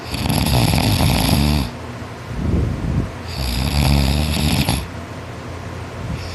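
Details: Boy snoring loudly in sleep after a tiring workday: loud, rough snores on each breath in, about two in six seconds, with quieter breathing between.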